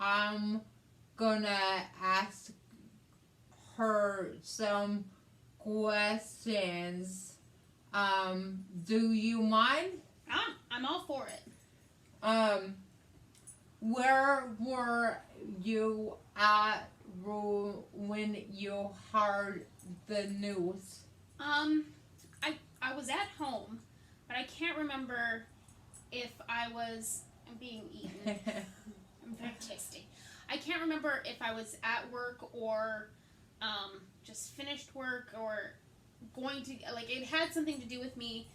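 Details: Adult woman, stroke survivor with aphasia from a hemorrhagic stroke on May 19th 2020 that needed brain surgery and ICU care and left right-side hemiparesis; aphasia also affects her reading and writing; she asks an interview question; aphasia.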